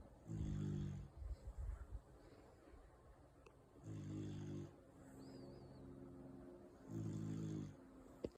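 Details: Four-month-old Beagle Bull puppy snoring loudly in sleep like a grown man: rumbling snores repeating roughly every three seconds, about 20 breaths a minute, with softer sounds between.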